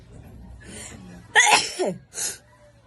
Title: Wide Nose Wet Sneezes Philippines.